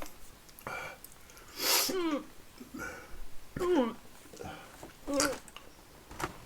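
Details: Several sharp, voiced hiccups with a quick rising-falling catch amid low room noise, from a person eating hot chilies, with their mouth burning.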